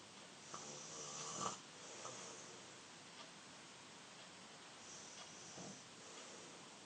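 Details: A 13-year-old boy snoring during sleep: soft, rough, rattling breaths rising and fading over a steady background hiss.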